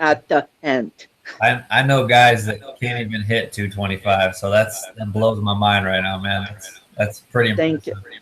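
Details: Adult male; typical speech.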